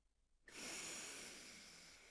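After a brief silent pause, a single long, steady, hissing breath in through the nose: nasal inhalation following a breath hold.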